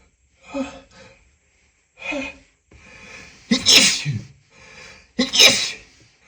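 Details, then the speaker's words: Acted hide-and-seek scenario, male voice, sneezing from a dusty coat in a closet: several sneezes, each with a sharp gasp before a forceful burst, the last two loudest. "Oh no, it's full of the dust. I'm going to I'm going to I'm going to sneeze. Going to sneeze."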